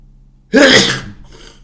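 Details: Super loud wet sneeze during a cold: one explosive sneeze with a sharp burst of air, then quiet room noise.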